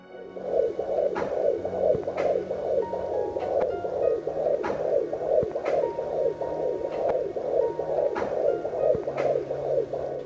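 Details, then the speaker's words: Home fetal Doppler (Cofoe 100S5) on a pregnant abdomen: fast rhythmic whooshing pulses like blowing wind, about 143 a minute by ear; placental/umbilical blood flow sound. "30左右的数值是起血流的声音，在其附近可以找到胎心音"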